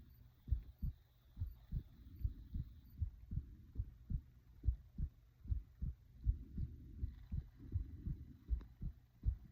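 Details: Own heartbeat recording: steady, regular paired low thumps at about 78 beats a minute, with soft breathing and faint stomach gurgles behind; normal heartbeat.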